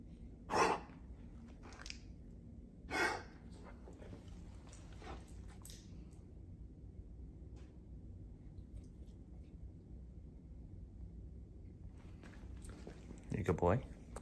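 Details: A 10-year-old Weimaraner with a recent weird paroxysmal cough and gasping, mostly in the mornings and sometimes when excited: three sharp, snorting cough-like bursts with faint gasping breaths between them, quiet room.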